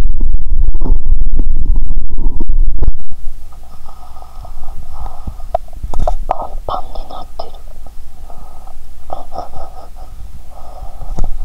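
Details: Bowel sounds heard through a stethoscope on the belly, audible even near the heart and clearer without pressing hard: a loud handling burst, then low gurgling and rumbling with bubbly pops, active borborygmi.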